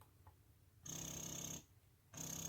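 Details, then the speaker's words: Motif Luna double electric breast pump, plugged in by its side power cord and switched on at the centre button: rhythmic motor whirring bursts with a high whine and pauses between cycles, an electric breast pump running. "i'm going to go ahead and plug in the motor and show you what that looks like you plug it in right here on the side and then the power button is right here in the center"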